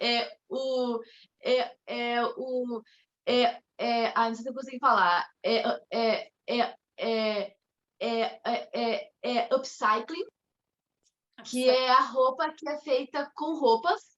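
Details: Mild stuttering in an adult woman, with onset around age two and a half to three.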